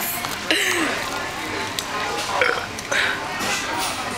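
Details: Burp contest, round two: loud drawn-out burps over crowd noise, talk and music in a busy room.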